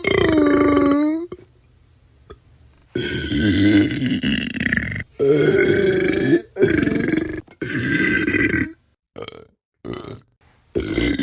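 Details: Burp sound-effect compilation: a run of loud, throaty belches, some long and drawn out, others short; burping.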